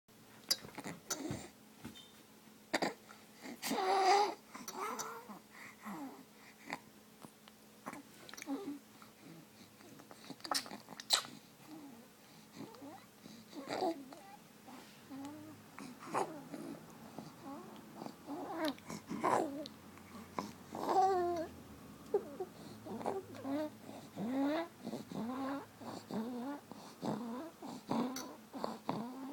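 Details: Young child wheezing: noisy breathing with brief whistling, musical tones, mixed with babbling and fussy vocal sounds.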